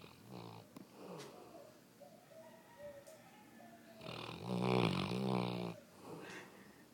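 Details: Female golden retriever in very deep sleep snoring: soft snuffling breaths build to a louder rattling snore, then settle again, in a quiet room.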